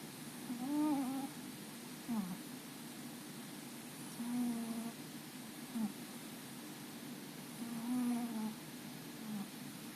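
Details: Soft, squeaky, whistling snores with each breath, about 17 a minute, from a sleeping cat that is also twitching.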